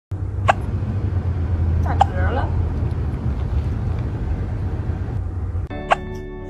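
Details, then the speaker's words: Hiccups in a kitten: three small, sharp hiccup bursts a couple of seconds apart over a steady low hum, with soft talk and music starting at the end. "[Music] baby oh hello have you got hiccups [Music] do you have the hiccups oh baby be"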